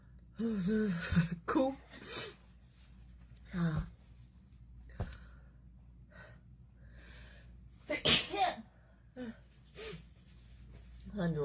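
Several sharp sneezes with gasping intakes and brief voiced sounds, set off by a nasal swab; a normal reflex response.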